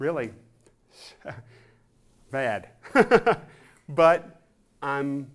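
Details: Real stroke survivor (adult male actor) with classic Broca's aphasia after a massive left-hemisphere stroke in September 2005 that damaged about 85% of the left hemisphere; comprehension is better than expression, and he has improved from effortful one–two-word utterances to longer sentences.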